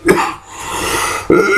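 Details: A person ill for over a week, with a chronic cough since last week, gives a couple of harsh, throaty coughs close to the microphone; chronic cough.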